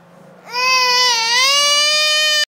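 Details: Nepali baby crying: a single sustained, high-pitched, clear tonal cry of about two seconds with steady pitch; an ordinary infant cry.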